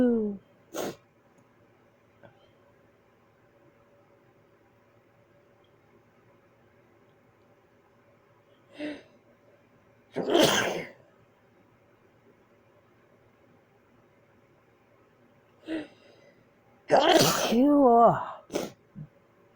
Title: Tried holding back these sneezes